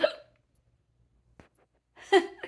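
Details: A person hiccups while watching TV with a pet parrot, whose eyes pin in response: a brief vocal sound and a sharp, clipped gulp with a short voiced catch.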